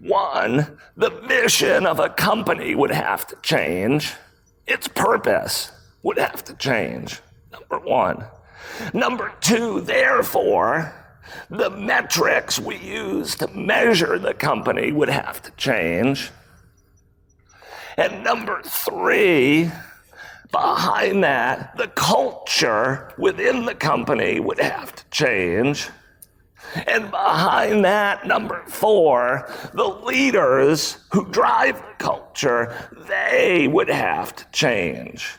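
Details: Adult male with spasmodic dysphonia, a rare voice disorder acquired in 2010; throat muscles spasm and contract when he talks, sometimes making speaking difficult; real speech from a keynote talk.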